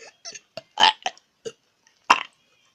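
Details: A person burping repeatedly on purpose: a run of short, croaky burps in quick succession, ending with one louder burp, in a quiet room.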